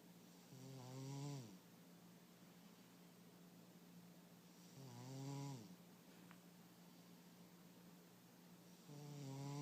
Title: Sabby-Cat snoring